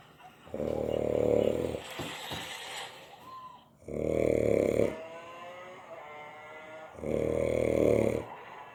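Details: 28-year-old man who fell asleep after taking Xanax: loud, rattling, vibrating snores about every three seconds, with quieter whistling out-breaths between; heavy snoring.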